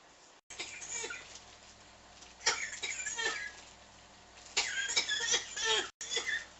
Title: coughing non stop